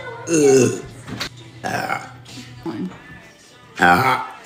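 Two loud, throaty belches, one at the start and one near the end, with quieter voices and some music in between.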